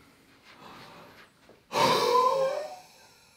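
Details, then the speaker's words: Demonstration of the huff (forced expiration) airway-clearance technique: a quiet half breath in, then one forceful open-mouthed exhalation of about a second, done after three slow abdominal breaths. "next take a half breath in and then force the air out of your lungs through your mouth and exhale for as long as possible"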